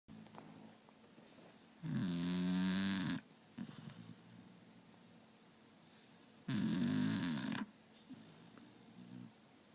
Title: Candy snoring